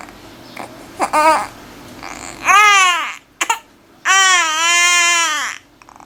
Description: Baby Crying Sounds - In this video you can see 2 babies who are crying: a newborn who is crying loudly and a 2-month-old baby who is crying.